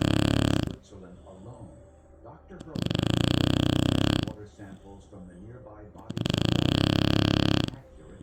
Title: My Snoring Shar Pei (Diesel)